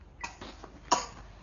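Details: Two soft, brief coughs from a child with a cough and cold, in a quiet room, during a massage with oil; cough.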